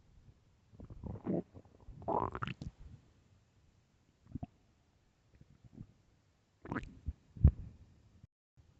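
Low gurgling, rumbling bursts of varying length and loudness; loud stomach growling, a normal sound of gut activity.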